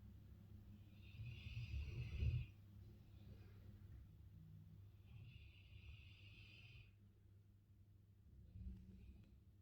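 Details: Large Dogue de Bordeaux dog sleeping: soft, airy snoring breaths with low room noise between them; snoring.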